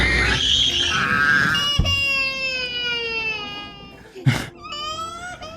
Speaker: Noise cancellation technology has a significant challenge with babies crying because the baby's crying sound like this. The sound of a baby crying on the plane.